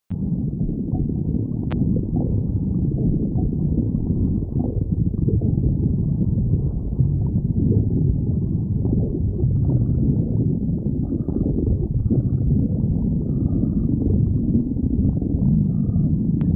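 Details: Stomach growling (borborygmi): continuous deep rumbling and gurgling from the abdomen.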